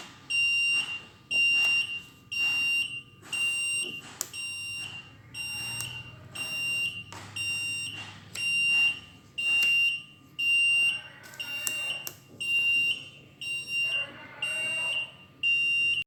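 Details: Loud high-pitched alarm beeps repeating about once a second in a small room from an Avian mechanical ventilator: a mechanical ventilator alarm sounding.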